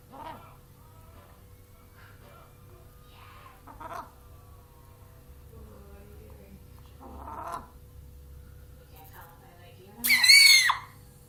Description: Idk the chicken just sneezes....